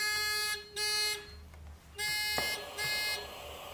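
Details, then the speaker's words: Disconnection alarm on a Weinmann Medumat Standard A emergency transport ventilator during a function check with the patient valve left open: loud, piercing, repeating electronic alarm tones in short bursts, sounding after two breaths. "and after two breaths one two i will see my disconnection alarm so this test is also"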